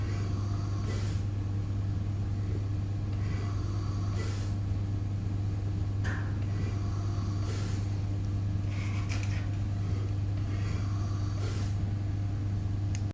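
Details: Philips Trilogy Evo ventilator with dual-limb circuit after calibration, cycling on a test lung in pressure-control mode: steady low machine hum with soft, regularly spaced puffs.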